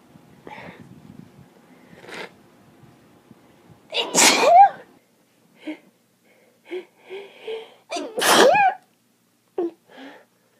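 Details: Person with severe spring seasonal allergies and watering eyes, sneezing from morning in March: two loud sneezes, each after a build-up of catching breaths, repeated sneezing of allergic rhinitis.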